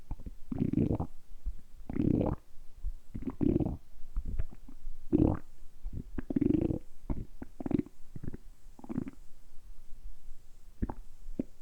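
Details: Deliberately produced stomach rumbling (borborygmi) for ASMR, kept going for about ten minutes: repeated loud gurgling, growling abdominal rumbles in bursts, ordinary bowel sounds.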